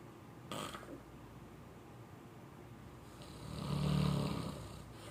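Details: Friend asleep at work snoring: a single loud, low rumbling snore on the in-breath after a quieter stretch; ordinary snoring.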